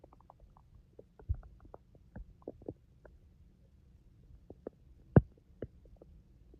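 Scattered gurgles and low rumbles from the belly, some louder pops; ordinary stomach growling from gas and fluid moving through the gut.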